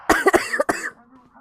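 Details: Cough from a girl who says she caught a very bad cold, with a sore throat and a lost voice: a quick run of three or four harsh, wet-sounding coughs during a gaming stream.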